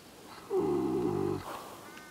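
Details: Horse snoring during a nap, heard while pens were being cleaned: a single drawn-out, vibrating nasal groan; harmless snoring in sleep.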